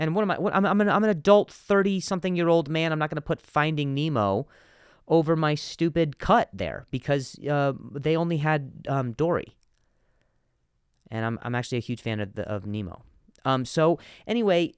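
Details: Stuttering in an adult male comedian, with word repetitions.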